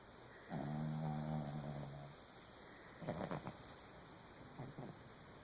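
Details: Chihuahua-Pomeranian dog snoring while asleep in the dark: one long, low, buzzing inhaled snore, then softer snorting breaths over steady room hum.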